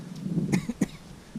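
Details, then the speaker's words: Two short, sharp coughs from an adult outdoors while metal detecting, against faint background noise. "that was me coughing a little Dust in the Wind I'm coughing"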